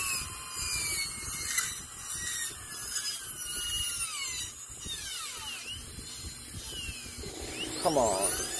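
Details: High-pitched whining drill with shifting pitch as it cuts, in a quiet room; dental handpiece doing an MOD Class II practice prep on the mandibular left first molar (tooth 19) in an articulator model without gingiva.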